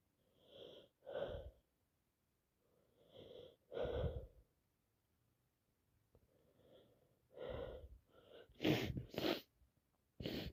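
A run of about six sneezes, each with a sharp indrawn breath before the burst, in quick succession; repeated sneezing with allergies and a cold.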